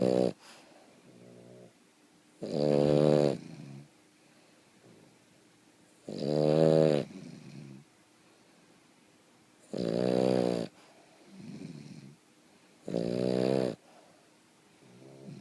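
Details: Boston terrier snoring while asleep: a rhythmic, buzzy, rather musical snore on each breath in and softer snuffles breathing out, about 18 breaths per minute.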